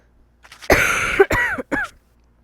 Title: Systemic ableism destroyed my hope (sorry about my coughing)